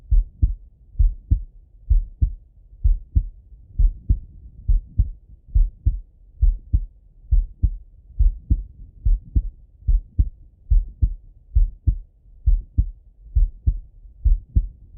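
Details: Male heart auscultated with a stethoscope, recorded either sitting at a desk or lying in bed: steady lub-dub at about 67 beats a minute, clear first and second sounds, no extra sounds; normal heart sounds.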